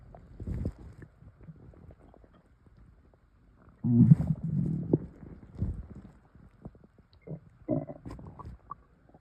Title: Air swallowing (stomach noises)